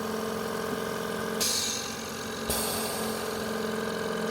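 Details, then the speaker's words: AirSep VisionAire 5 oxygen concentrator with its output tube deliberately folded to show a high-pressure fault: steady laboring motor hum with sharp hissing air releases as pressure builds, before the unit shuts off; compressor straining. "So, I'm going to forward this little tube to show you the issue of people are having with this unit. So, yeah, I'll fold it. You hear that compressor building up?"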